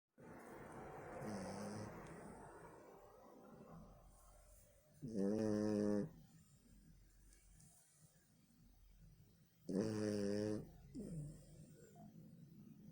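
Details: Sleeping dog snoring: loud, tonal snoring breaths about every five seconds with softer breathing between.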